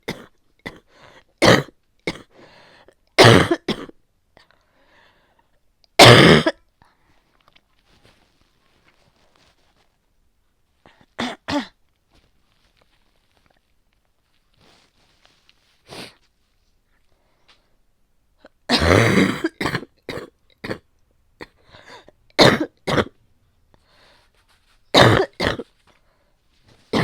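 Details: Wet, productive cough described as distressing: repeated loud, harsh coughs in bouts with throat clearing and quiet gaps.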